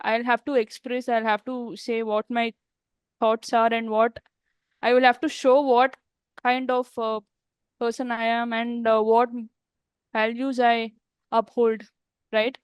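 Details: Adult woman who stammers, speaking in a real podcast interview; stuttering.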